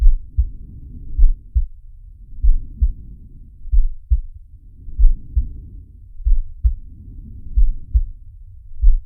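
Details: Animated cartoon shark character's heartbeat and breathing sound effect: slow low thumps over four soft, rising-and-falling breath sounds; heartbeat and breathing.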